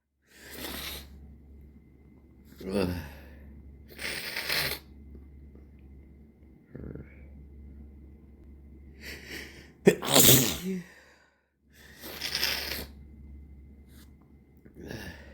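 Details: Person whose nose has been irritated for days gives several full and stifled sneezes in the evening, each a sharp burst of air after a short breath in; sounds congested.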